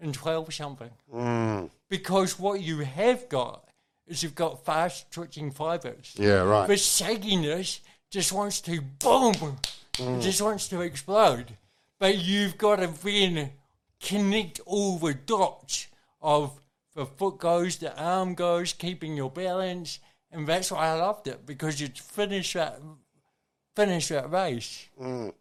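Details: Adult man with cerebral palsy present from birth, a brain injury from oxygen loss to the brain during birth; he reports his thinking is intact; dysarthria (cerebral palsy).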